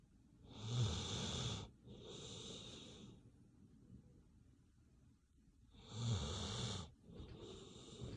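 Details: Two slow, rattling snores with quieter breaths between, from a sleeping dog.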